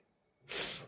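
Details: A single sudden, breathy, hissing sneeze after quiet, from an adult with a persistent cold, cough and fever, possibly viral, that has not improved despite several hospital medications.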